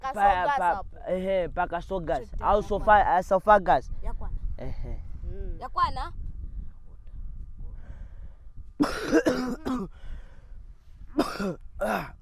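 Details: Simulated cough in a comedy skit by Zambian school students: an adult speaks in a strained voice, then gives two or three harsh, acted coughs after a pause.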